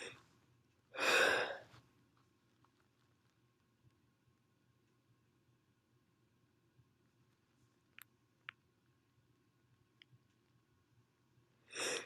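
A single loud, explosive sneeze, then quiet with faint room sounds; another sneeze begins at the very end.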